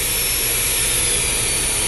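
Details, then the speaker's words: Electric dental lab slow-speed handpiece, a torque-type unit, running continuously without foot control on the hand setting: steady high-pitched motor whine with hiss as the speed is turned down to its lowest. "you can all hear the speed and the noise is decreasing all the way down to its lowest speed"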